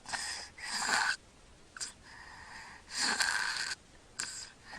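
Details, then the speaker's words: Baby snoring through his mouth during sleep, not congested; irregular, strained, high whistling breaths with short silent gaps and little air getting through, with repeated breath-holding: obstructed breathing during sleep. "quiet a few seconds he'll probably hold his breath again you can hear him snoring he's breathing through his mouth nothing's nose and he's not congested now"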